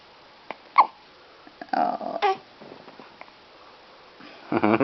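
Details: 2-week-old baby girl with hiccups after a feed: several brief, sharp little catches of breath with a few short vocal sounds between them.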